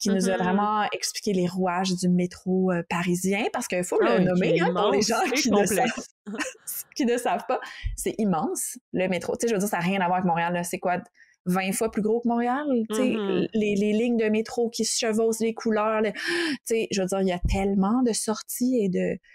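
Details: Adult woman speaking French; no speech disorder.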